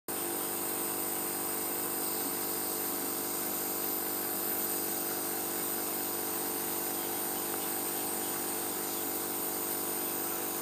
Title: Crosby nebulizer